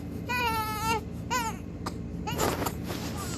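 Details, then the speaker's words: One-week-old newborn crying, with the mother about to give a 1-ounce bottle feed: two rising-falling wails, then a choppy cry. "बस अभी मैं उसको दूंगी थोड़ा सा फीडर क्योंकि वो उनकी टैं शुरू हो गई है। हो गया है टाइम।"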